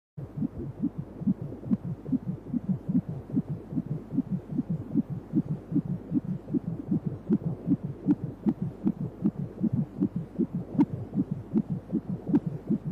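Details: Rapid regular whooshing beats at about 150 a minute on a 4D ultrasound scan at 29 weeks pregnancy; fetal heartbeat within the normal range.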